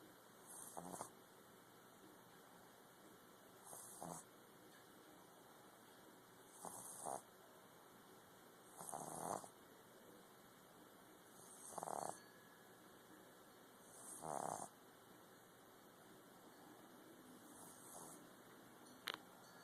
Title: baby boston snoring